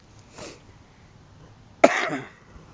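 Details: Single sharp adult cough, preceded by a soft breathy exhale, outdoors on a mountain while smoking.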